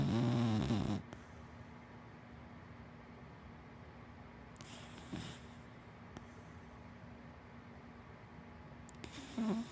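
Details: Soft, rumbling snores and snuffly breaths with quiet pauses from a sleeping dachshund–black Labrador mix dog, against faint room hum.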